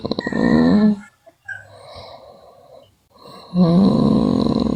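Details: A sleeping girl snoring: two loud, rough, buzzing snores separated by a quieter breath out, in a small room.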